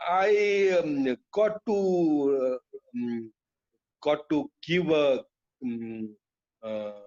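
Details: Adult male with chronic non-fluent aphasia after a haemorrhagic stroke to the speech centre; he lost all speech, was told he would never speak again, and relearned it through years of speech therapy, still hesitating and leaving sentences unfinished.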